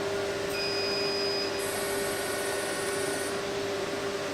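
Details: Fractional CO2 laser handpiece firing a test pattern onto a piece of paper during a training demonstration: steady high-pitched electronic tones over a low machine hum.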